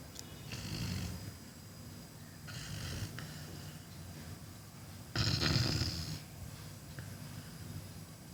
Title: snoring